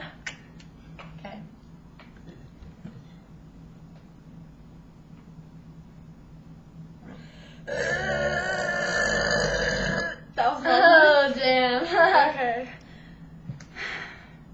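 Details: Burping contest, loudness round: a long, loud sustained burp followed by a shorter gurgling burp in a quiet room; deliberate burping.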